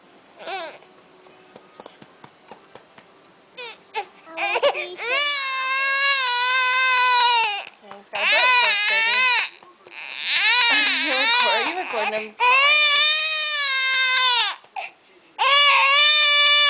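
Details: Infant crying during feeding and burping: loud, long wailing cries with brief pauses for breath in a small room; ordinary infant cry.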